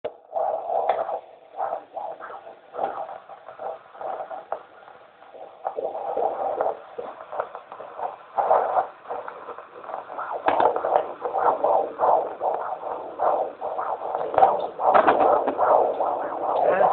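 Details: Fetal heartbeat of a baby boy at 27 weeks of pregnancy, heard by Doppler with a midwife: rapid whooshing pulses, roughly 158 a minute, within the normal fetal range.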